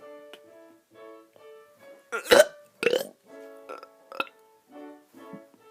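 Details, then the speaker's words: A kid doing burps: two or three short voiced burps over steady background music. "hey guys going be doing some burps dang it sorry about that one"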